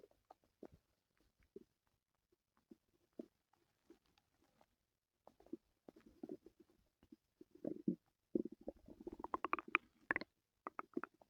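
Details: Scattered soft gurgles and clicks build to a run of bubbling, rising gurgles near the end, in a quiet room, from a person whose stomach hurt the previous night; bowel sounds (borborygmi).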